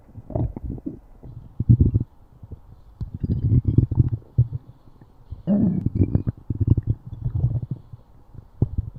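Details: Stomach growling (borborygmi): low rumbling, gurgling bursts from the belly, typical gut sounds of digestion.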